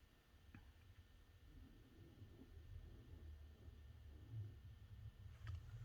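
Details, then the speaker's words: Faint, low, rough rumbling with each slow breath under a steady room hum: a Yorkie sleeping underneath something, snoring. "Do you hear that snoring? Oh, that's my Yorkie underneath there, Archie."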